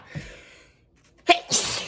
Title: Work sneezes